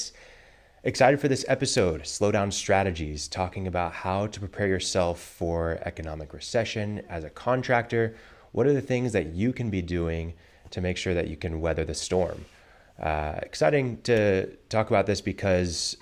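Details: Adult male speaker; normal voice.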